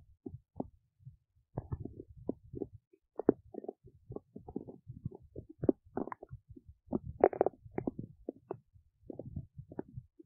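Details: Big belly noises while digesting oats: irregular gurgles, squelches and short rumbles come and go in a quiet room, ordinary digestive bowel sounds.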